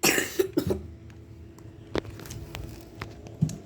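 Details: A person coughing while recording a gaming video: a short burst of about three quick, harsh coughs, then a couple of faint later coughs; a plain cough.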